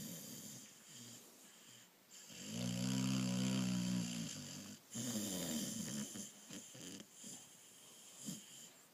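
Loud rattling snore on a long breath, then softer snuffling breaths; a sleeping dog snoring.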